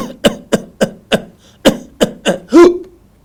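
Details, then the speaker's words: Simulated whooping cough (pertussis), imitated for students: a rapid run of about seven coughs without breaths between, ending in a loud whooping inspiration. "इसे व्हूपिंग क्यों कहा जाता है? उनका कहना है, क्योंकि अंत में जब वह सांस लेता है फिर 'हूप' लें ऐसा ही लगता है।"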